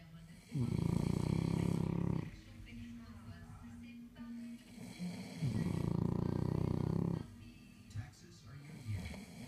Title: French bulldog and me snoring